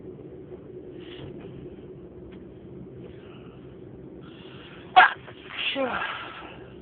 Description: On this video I sneezed for 6 minutes....more of 30 sneezes. Enjoy!!